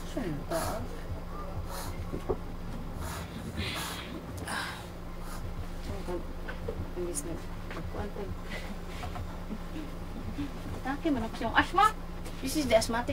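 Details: A pet cat seated beside her owner suddenly gives repeated rough gasping, heavy breaths, an asthma-like attack; the owner suspects she swallowed hair while licking her paws, says she has had such attacks before, and she recovers fine.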